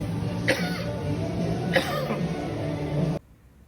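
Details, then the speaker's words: Two short, sharp adult dry coughs over background music, with no rattle or wet sound. "Ada yang ngalamin batuk barusan kayak batuk aku, batuk kering kayak gitu."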